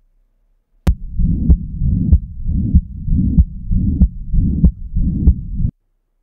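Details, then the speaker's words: Demonstrated tricuspid regurgitation murmur heard at the tricuspid area, parasternal from the fourth intercostal space and moving upward: fast regular heartbeat near 95 a minute with a continuous low whooshing murmur filling the gaps between beats. "parisal or mops upward from the fourth interal space on the trasp area it is indicative of the mm of trasp regation"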